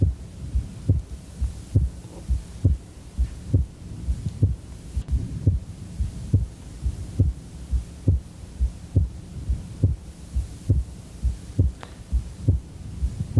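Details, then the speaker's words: Man with a nosebleed and right bundle branch block: regular heartbeat near 68 a minute with a second heart sound that stays split through inhalation and exhalation; wide splitting of S2. "okay this fellow with a nosebleed as a right bundle branch block and wide splitting of his second sound wide splitting means no matter whether he's inhaling or exhaling you can still hear splitting of the second sound"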